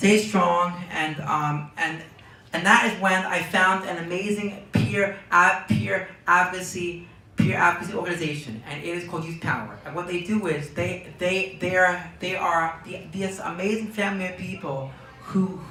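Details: Young man diagnosed with Tourette syndrome at age four, with word and phrase repetitions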